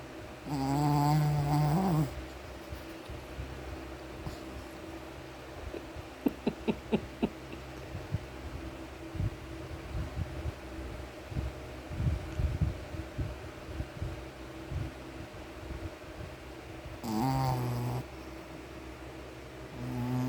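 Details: Shih Tzu dog snoring: loud, buzzing, honking snores with quieter irregular snuffling between them.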